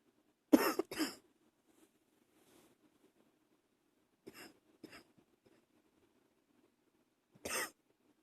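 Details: Early-morning coughing while trying to stay quiet: five short, partly muffled coughs in a quiet room, two close together, a softer pair, then one more.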